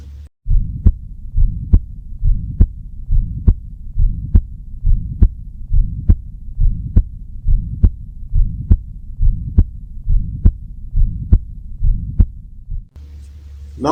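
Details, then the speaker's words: Auscultation of ventricular septal defect at the left third intercostal space: heartbeat near 69 a minute with harsh murmur filling systole, louder with smaller defects; VSD murmur. "the smaller ventricular centrical defect the louder will be the moment"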